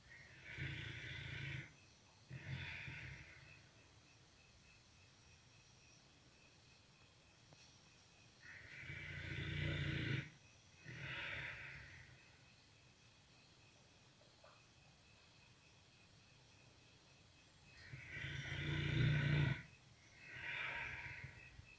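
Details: Female bear sleeping peacefully in a sanctuary, snoring: deep, rattling snores, each breath a paired in-and-out snort, about seven breaths a minute.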